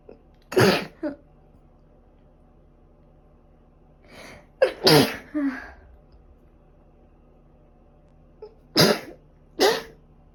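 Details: Person with a cold and allergic rhinitis, runny and stuffy nose, and a fever for five days; several sneezes in short runs, some doubled, over steady low room hum; repeated sneezing.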